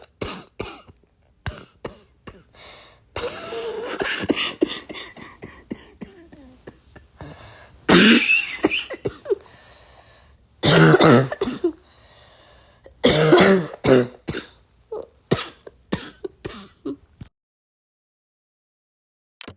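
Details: Congested cough from a cold with mucus in the lungs: several harsh, loose cough bursts with throat clearing.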